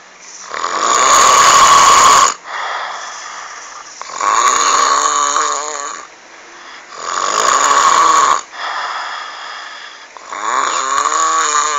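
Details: Very loud, rattling snoring with each breath, about 19 per minute, recorded close up in a small room.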